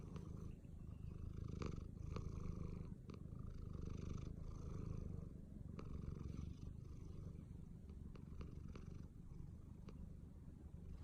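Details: American Shorthair cat snoring while asleep: soft, steady low rumbling breathing with faint clicks.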